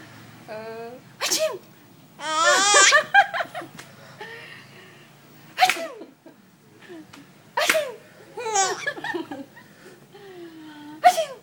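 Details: Grandmother's several loud, sudden sneezes, each followed by bursts of hysterical giggling laughter from a 3-month-old baby boy.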